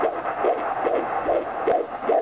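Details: Fetal heartbeat at almost 5 months of pregnancy: rapid, regular whooshing pulses, about five in two seconds (roughly 140 a minute).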